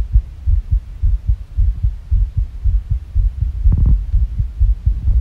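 Muffled, quick heartbeat at roughly 110 beats a minute with uneven spacing between beats; a fast, irregular heart rhythm.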